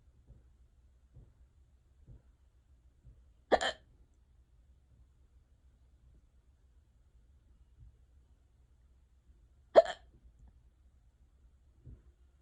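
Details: Ongoing prolonged hiccup bout, unusually severe for this person: two sharp, abrupt hiccups about six seconds apart against near silence.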